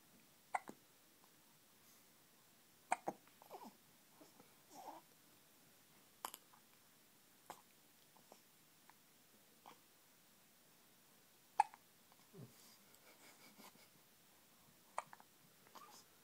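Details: Repeated brief, sharp hiccups, about seven in sixteen seconds, from an infant, with faint infant noises in a quiet room.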